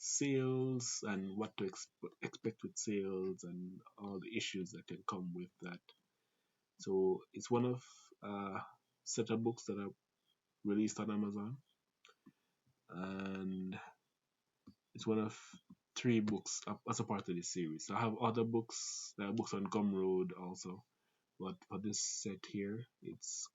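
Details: Adult Jamaican man with a family-inherited stutter (grandfather, father, siblings), who also reports talking fast and having a sore throat that day; stuttering.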